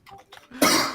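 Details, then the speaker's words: A single sharp, loud adult cough follows faint quiet voicing in a small room, during a casual card-playing chat; cough. "oh bless you thanks thanks thanks for the cough mate i really love that"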